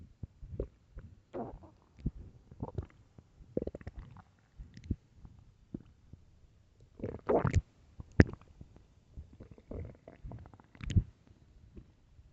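Repeated low gurgles and rumbling growls from an empty stomach, some loud and squeaky: normal hunger bowel sounds.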